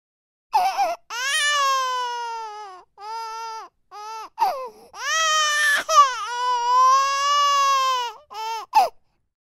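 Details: 4-month-old baby, sound-effect recording: sustained, wavering wails in several long bouts with short breaths between, a frustrated, forlorn cry.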